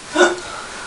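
A single short, abrupt voiced catch of breath, a typical hiccup.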